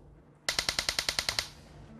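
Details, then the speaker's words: Transcranial magnetic stimulation coil placed over the motor cortex while the subject tries to move his hand and arm: a rapid train of ten sharp, loud clicks in about one second, the magnetic pulses that disrupted the movement. "I'm just gonna place this coil on Davey's head on his motor cortex and just get lined up and you'll hear some clicking noises and there the magnetic pulses"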